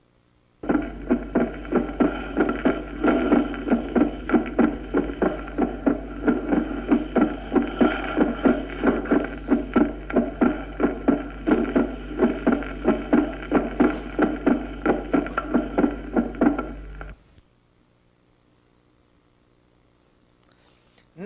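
Regular heartbeat near 92 a minute over a steady background hum; the second sound stays split throughout: fixed splitting of S2.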